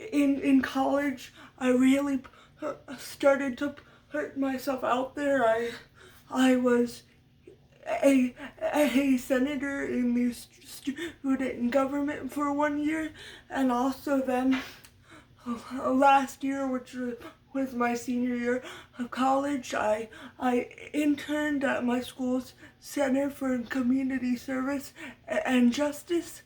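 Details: Adult woman who stutters, which she attributes to muscle tightness from cerebral palsy (brain damage as a baby); speech therapy from a young age through senior year of high school; uses techniques but expects lifelong stuttering; stuttering.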